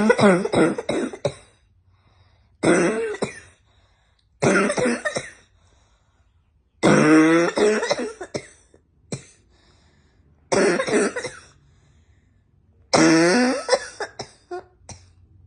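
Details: Repeated voiced coughs and throat clearing in clusters during a spring cold.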